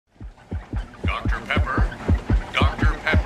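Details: Heartbeat, slightly fast.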